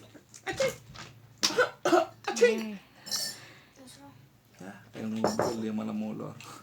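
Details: Infant sick with flu and cough: several short wet coughs, then a long fussy cry with a steady hum in the background.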